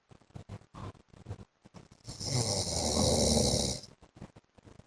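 A long, loud, rattling snore of nearly two seconds, with short choppy breathing sounds before and after it.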